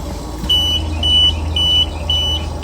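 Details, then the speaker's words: Oxygen concentrator no-flow alarm in a training demonstration, flow dial turned past zero with no bubbles in the humidifier bottle: repeated high-pitched beeps about twice a second over a low machine hum. "now there's no Oxygen coming through the machine there's no bubbles in the bottle and you'll hear the alarm in so many seconds"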